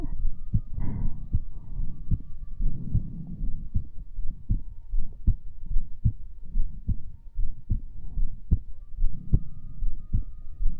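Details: Heartbeat recorded for ASMR: steady low thumping at about 74 beats a minute, with a faint steady hum behind it.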